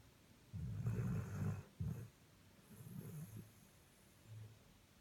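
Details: A sleeping dog snores with a low rumble, loud rattling breaths trailing into softer ones.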